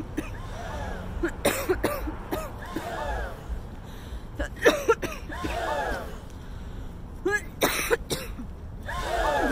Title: What NOT to do 365: cough in public!!!